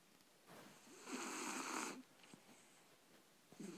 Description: 3 months old shar pei puppy (Libby) snoring.. so cute